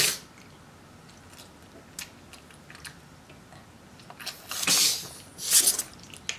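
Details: Pug dog sneezing: a few sharp, hissing nasal bursts of air with quiet snuffling between them.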